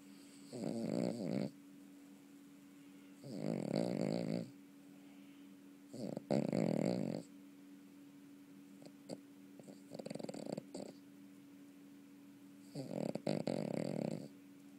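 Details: Honey, a sleeping dog, snoring: five rattling snores, each about a second long and a few seconds apart, with a steady room hum.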